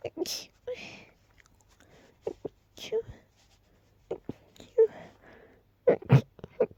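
A rapid run of short, soft, stifled sneezes, each a brief hissing burst with faint voicing, in a quiet room; a sneezing fit.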